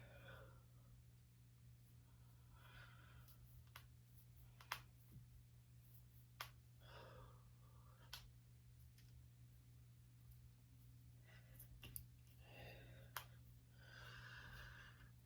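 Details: A handful of sharp, isolated pops from finger joints over steady room hum and quiet breathing; voluntary cracking of fingers and knuckles.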